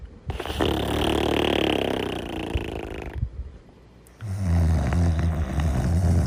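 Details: A sleeping Golden Retriever makes low, rumbling, fluttering snores with a brief quiet pause, then snoring resumes: ordinary snoring.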